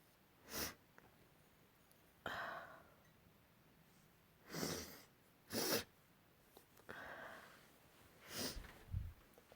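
Several sharp, explosive sneezes with breathy in-breaths and sniffs between them in a quiet room; repeated sneezing.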